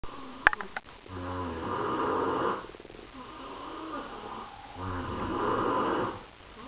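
Two long, rumbling snores with a fluttering rattle, each followed by a quieter breath out; ordinary snoring.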